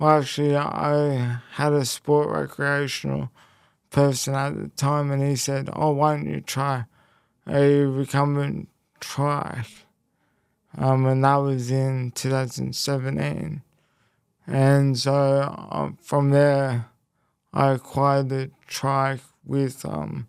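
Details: Post-stroke speech impairment in an adult man after a left-hemisphere haemorrhagic stroke at age 12, followed by a five-week coma, with right-sided body weakness; speech was the most affected area and had to be relearned, and he reports slower processing.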